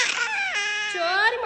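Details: Infant pain cry.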